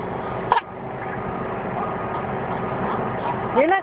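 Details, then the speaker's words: Infant's imitated cough, not a real one: a single brief cough-like burst followed by a rising voiced sound over steady room noise. "he's not really coughing"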